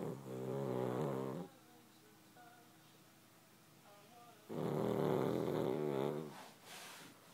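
Two loud, rattling snores on the in-breath separated by a quiet pause; ordinary snoring in a sleeping dog.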